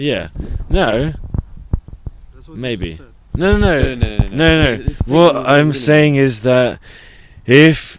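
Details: Adult who stutters, reporting months of bad speech days with blocks; stuttering.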